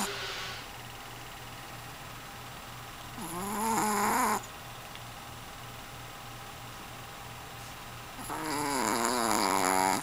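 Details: Snoring during sleep: two long, rough inward snores about five seconds apart, with steady low room hum between them.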